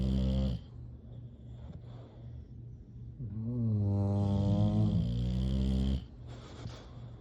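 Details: Sleeping English Bulldogs snoring: deep, resonant snoring with one long drawn-out rattling snore and softer breaths around it.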